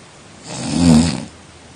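A single low, rattling snore on an in-breath, rising and fading over about a second, over faint room hiss.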